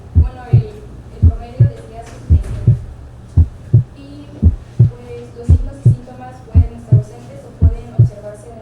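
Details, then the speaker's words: Reduced first heart sound at a stated 0.18 seconds, about 56 beats a minute: regular paired sounds with a soft first sound and a second sound as loud or louder. "El segundo ruido puede ser más intenso que el primero y este primer ruido es de intensidad reducida."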